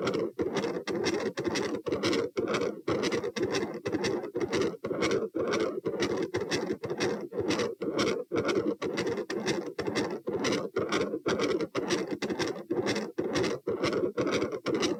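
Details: Heart recorded at position P, standing: harsh, rumbling continuous machinery murmur focused over S2, filling nearly the whole cycle with brief regular dips; possible patent ductus arteriosus, or aortopulmonary window or collateral vessel.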